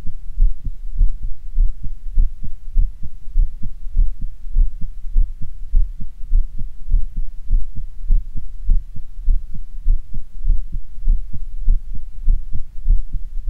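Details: Normal heart sounds, steady regular low thumps at about 100 a minute with faint hum, in a first-attempt stereo recording from two stethoscope heads with microphones: mitral area on the right channel, Erb's point on the left.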